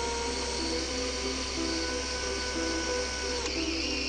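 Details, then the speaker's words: Surgical power drill driving a laser-marked guide pin through a sizer during Agili-C cartilage implant surgery, deliberately not at full speed for control and less heat; steady motor whine slowing near the end. "try to not do this at full speed to have full control and also to reduce thermic effects of the pin drilling"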